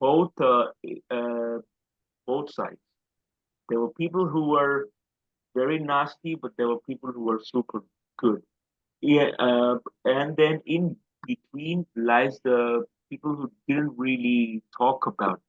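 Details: Adult man with a self-described quite severe stammer since school days, speaking in an interview; stuttering.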